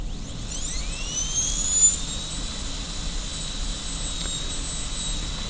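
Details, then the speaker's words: High-speed dental handpiece with a number 330 bur cutting a DO Class II preparation on model tooth number 5, moving the lingual margin with the bur kept vertical: a high-pitched whine spins up, then holds steady while cutting. "But again, I'm looking so I can see how close I am to the adjacent tooth, and then I find my margins facial-lingually by trial and error, making sure the burr is vertical all the time."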